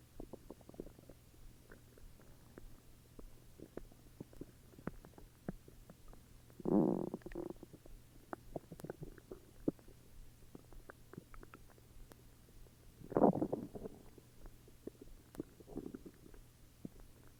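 Two gurgling, rumbling bursts over a quiet background: stomach growling, the ordinary sound of gas and fluid moving through the gut.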